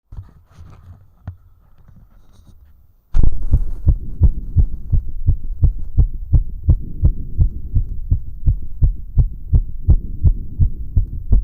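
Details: Stethoscope auscultation of a very fast, regular heartbeat at about 170 a minute: severe sinus tachycardia after a bit of time on a rowing ergometer.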